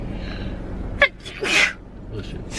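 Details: Young woman sneezing while talking, tagged allergies and sinuses, saying she may be getting sick: a sharp intake of breath followed by a burst of sneezes over room noise.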